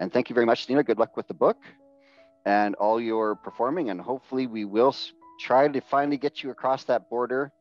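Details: Adult male speaker; ordinary fluent speech.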